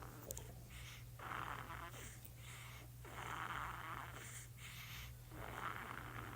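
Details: Sleeping newborn baby girl: soft regular snoring breaths, about 29 a minute, over a steady low hum; gentle infant snoring.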